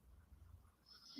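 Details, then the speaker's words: Dog sleeping in a quiet room, giving faint, low, rumbling breaths: ordinary snoring. "if you can hear some snoring it is actually my dog purdy she is snoozing and snoring"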